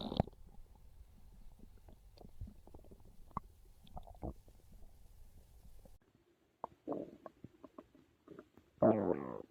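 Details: Hungry stomach growls, belly craving pizza: irregular low gurgles and rumbles with louder growls near the end; ordinary hunger borborygmi.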